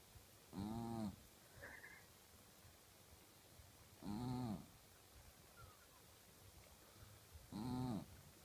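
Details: Loud snoring from a sleeping dog: three loud, low, rumbling snores at a steady pace of about 17 breaths a minute with quiet gaps between them.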